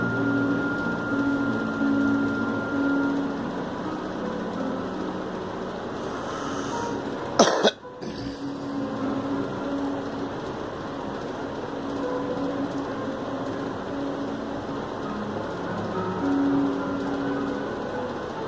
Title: Girl coughing